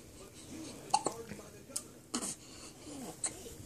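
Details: Baby's hiccups: about four short, sharp hiccup sounds in under four seconds, with soft baby noises and room noise.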